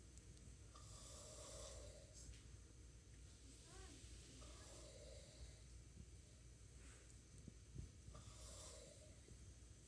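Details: Man snoring while knocked out in a rest area at work after being worn out by the job: soft, rasping snoring breaths roughly every three to four seconds under heavy low rumbling background noise.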